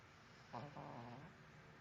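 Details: A single soft, low, rumbling snore from a sleeping dog, recorded on a mobile phone; snoring.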